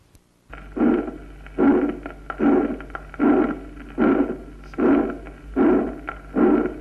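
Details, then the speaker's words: Teaching auscultation recording of atrial septal defect: regular heart sounds near 75 a minute with a soft functional pulmonary ejection midsystolic murmur caused by increased pulmonary flow volume and velocity. "vamos a escuchar un soplo mesosistólico de inyección pulmonar funcional en una comunicación interauricular primero"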